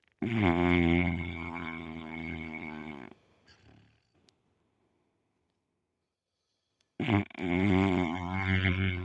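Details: Sleeping pit bull dog snoring: long, loud, rattling snores with a pause between breaths.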